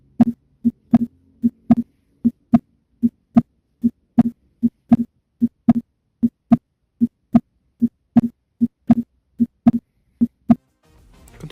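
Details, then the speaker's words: Clear, regular, normal lub-dub heart sounds at about 77 beats a minute, heard at the pulmonic area in the second intercostal space at the left parasternal line. "Ahora continuaremos con el foco pulmonar. Se localiza en el segundo espacio intercostal, en la línea paraesternal izquierda. Procederemos a escucharlo."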